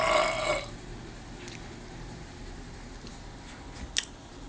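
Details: Man burping while waiting for laundry to finish: one loud, rough burp at the start, then quiet room noise with a faint click near the end; burping.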